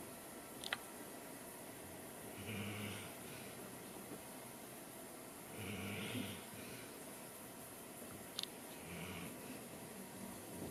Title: Good Boy Snoring - The Good Boy Series